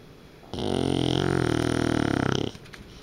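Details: Dog snoring in sleep: a loud, rattling, fluttering snore of about two seconds with a rough buzzing quality from vibrating airway tissue.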